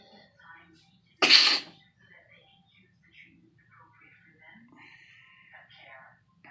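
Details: A single loud, sharp sneeze burst from a person, followed by quiet room sounds and faint talk.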